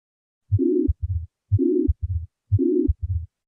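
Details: Heart sounds at about 60 beats a minute with a harsh murmur filling all of systole, played as a teaching recording: pansystolic murmur of ventricular septal defect.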